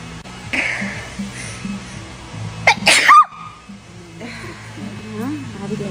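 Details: Young woman's eyebrow threading appointment triggers a fit of natural sneezes in a series: a sharp, explosive sneeze burst with a high squeal amid music and room chatter; sneezing.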